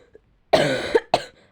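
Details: Girl who is ill and apologizes for her coughing: two sharp cough bursts, the first longer and harsh, the second brief.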